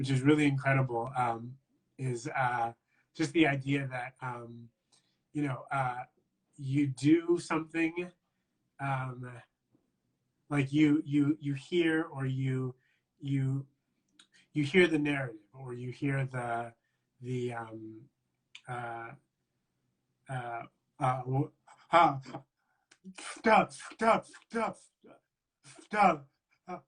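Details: Adult man who describes himself as a person who stutters, in live conversational speech; stuttering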